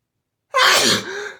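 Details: Explosive sneeze while trying to stifle a run of teasing, hitchy sneezes: a single loud sneeze bursting out of silence, with a trailing breathy tail.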